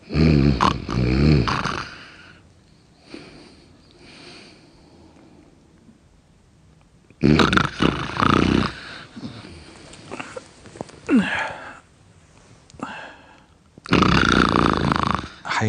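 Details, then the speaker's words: Acted, exaggerated snoring in a comedy sketch: loud, harsh, rattling snorts in three separate bursts with quiet gaps. "حياتي ضبطي نومتك شويه يا عم تشنخري حياتي عم بتشنخري زبطي صوتي طالع صوت شخير كتير قوي"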